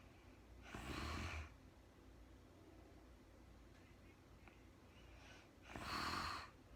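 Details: Real-time recording of a woman snoring softly during sleep: two breathy, snorting snores about five seconds apart with quiet in between; no talking.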